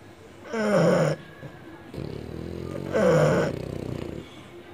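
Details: Sleeping French Bulldog: loud, rattling snores, two clear snores with a vibrating buzz on each breath in; snoring.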